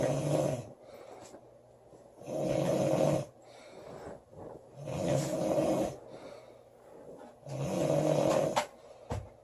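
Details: Loud snoring in a sleeping female: rough, vibrating snores about every two and a half seconds, roughly 24 breaths a minute, with quieter breathing between them.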